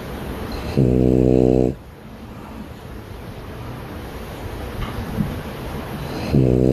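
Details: Two loud, buzzy, rattling snores on the in-breath, about five seconds apart, with quiet breathing between, in a small room; snoring compared between a man and a French bulldog.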